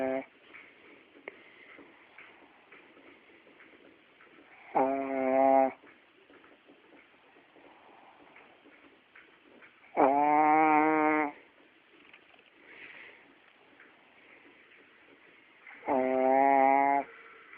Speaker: stop snoring.